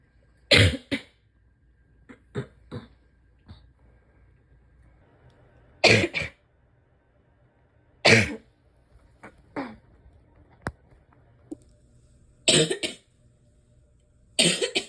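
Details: Person with asthma, spring allergies and chronic bronchitis, likely sick with a respiratory illness: about six bouts of harsh, congested coughs in clusters of two or three, a wet chesty cough.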